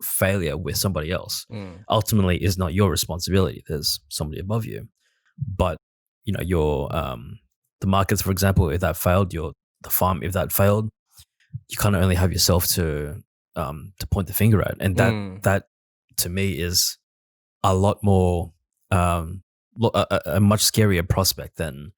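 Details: Adult man speaking; conversational speech.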